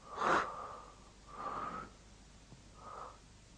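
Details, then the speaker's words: Stethoscope auscultation over the larynx and trachea: normal laryngotracheal breathing made by air passing through the glottis. Harsh, hollow, tubular breath sounds, coarser in timbre than vesicular breathing. "над гортани и трахеи выслушивается для ринга trofeo льна и дыхание возникающие при прохождение воздуха через голосовую щель она отличается более грубым тембром и напоминает звук"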